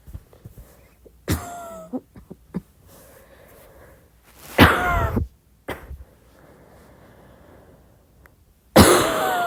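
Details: Three separate soft coughs at midnight with a few quieter throat sounds between them, in a quiet room.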